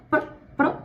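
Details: Barking vocal tic in a woman with Tourette syndrome, diagnosed at 18: two short, sharp bark-like vocal bursts about half a second apart; an involuntary vocal tic.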